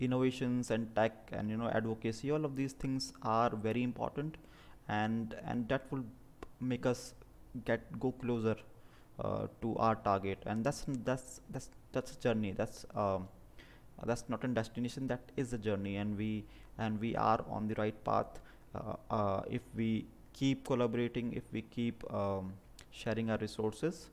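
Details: Adult man from New Delhi, India, a disability activist who identifies as a person with stammering; stuttering.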